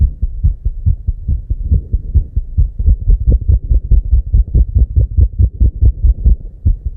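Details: Very rapid, regular low thumping heartbeat at 290 BPM, real heart sound, beats running close together with barely a pause; tachycardia.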